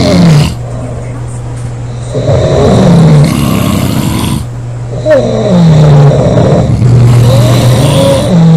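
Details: Three sisters aged 24, 25 and 19 snoring together: loud, rough, low rumbling snores in long overlapping cycles, heavy snoring.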